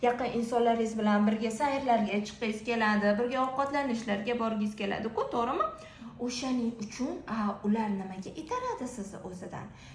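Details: Adult woman speaking; fluent speech.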